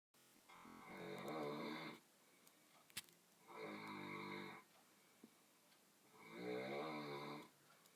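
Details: Three loud, buzzing, droning snores about every three seconds, near 22 breaths a minute, from a man snoring.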